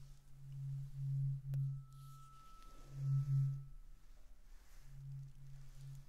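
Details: Tuning fork ringing in an ASMR ear-exam roleplay with otoscope and ear cleaning: a soft, low, pure tone swelling and fading in three waves, with a brief tap.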